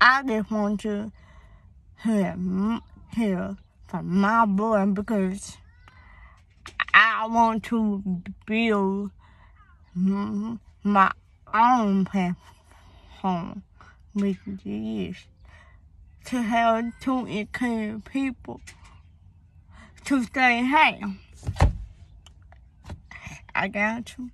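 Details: Young woman with a speech impediment and hearing loss (deafness), both beginning suddenly in third grade; cause not found by doctors, possibly linked to premature birth; daily speech therapy at school; finding: speech impediment.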